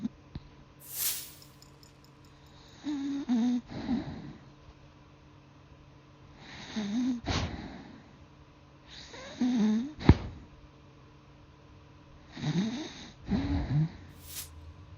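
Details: Snoring during a freezing-cold first Australian winter (2020): four rough, rattling snores with pauses between, in a quiet room; ordinary snoring.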